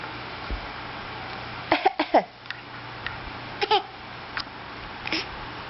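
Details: Infant who had just discovered a few days earlier that coughing got attention gives several small, deliberate voiced coughs on request; a voluntary fake cough, not due to illness.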